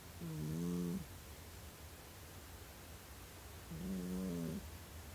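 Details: Sleeping cat gives two soft, buzzing snores a few seconds apart over low background hum; gentle snoring while asleep.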